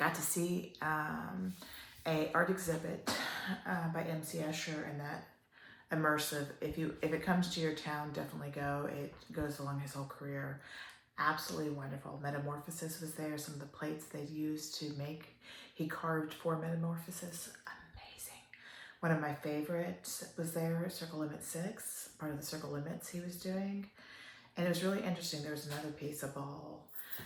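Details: Adult woman with upper motor neuron onset ALS, almost 3 years in, a slow progressor with worsening spasticity; spastic dysarthria (ALS).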